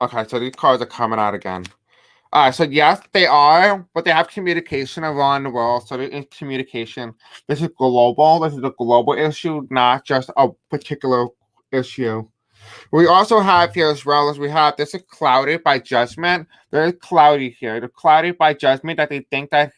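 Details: Adult man with deaf speech, a self-described deaf accent, who says he may have a hard time pronouncing certain words; unscripted live-stream speech; deaf speech.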